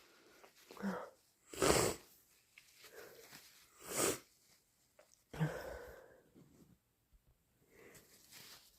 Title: Strong, loud induced sneezes plus blows